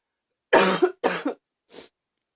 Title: # 62 a lil barky cough